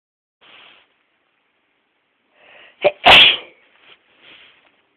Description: Two sneezes that are kind of wet